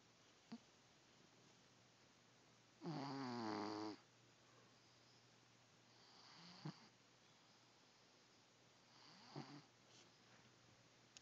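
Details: A 15-year-old cat sleeping on a pile of warm laundry: one clear rattling snore, then fainter, softer snoring breaths in a quiet room. Snoring.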